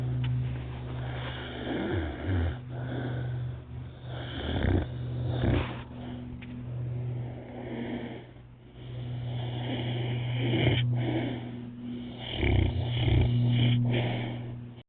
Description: moo moo the Sacred Cow sleeping on my lap snoring